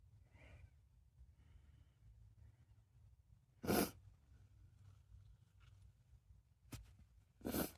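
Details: Female sneezing: two sharp, explosive sneezes, each preceded by a soft in-breath, in a quiet room.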